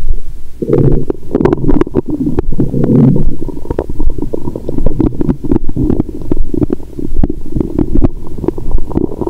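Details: Continuous low gurgling and bubbling with frequent short pops and clicks, heard through a stethoscope over an adult woman's abdomen after wine and a meal following a 22-hour fast; period due: active bowel sounds.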